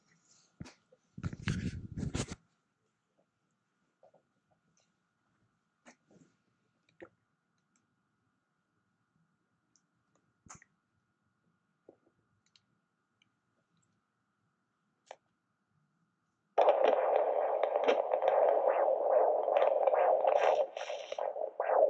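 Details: Fetal heartbeat on Doppler at a midwife visit, 28 weeks pregnant, first-time mother, baby girl measuring 27: quiet handling, then rapid rhythmic whooshing at about 150 a minute; heart rate reported as 152, normal.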